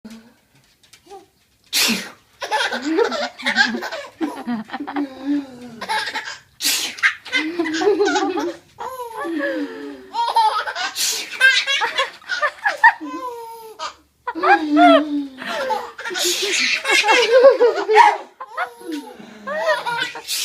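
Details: Several sharp, explosive sneezes, each answered by a baby's bursts of giggling and belly laughter in a small room; sneezing.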